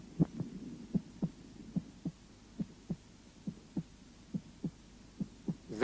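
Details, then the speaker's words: Cardiac auscultation beginning at the apex, where the first and second heart sounds are told apart by timing them against the apex beat or carotid pulse; normal heart sounds. "аускультация сердца начинается с выслушивание верхушки для отличия 1 тон от 2 звуковые явления сопоставляют с верхушечный толчком или пульсацией сонной артерии"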